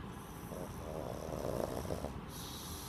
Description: My two and half years old pug BOOFY likes to snooze all day except for MINNI is around! Watch him catching a few winks with a loud snore!!